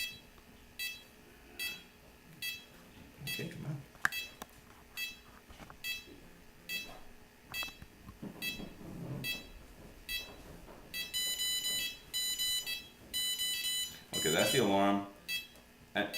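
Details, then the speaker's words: Capnograph/pulse oximeter (OxiMax N-85), demonstrated by a respiratory therapist while a volunteer holds her breath to simulate apnea as CO2 falls: repeated high beeps building to a faster, louder apnea alarm. "she's holding her breath right now she hasn't really stopped breathing and we should hear it along soon hopefully she's turning blue now the co2 is going down"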